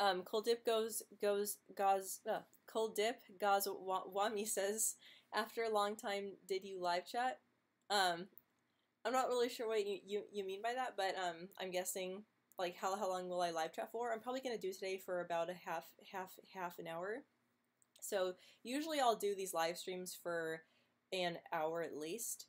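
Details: Adult woman who stutters, with blocks and prolonged first sounds, reading and answering live chat; the clip has word and part-word repetitions; stuttering.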